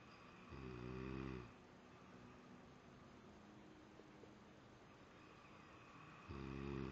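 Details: Two low, vibrating snores about six seconds apart with quiet breathing between, in a slow sleeping rhythm; ordinary snoring, and the snorer may be a cat (uncertain).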